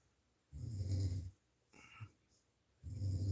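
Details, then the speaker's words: Low, rumbling snores from a sleeping woman (the speaker's wife, up since 5 a.m.), about two breaths a few seconds apart, in a quiet room: snoring. "you can probably hear her snoring in the"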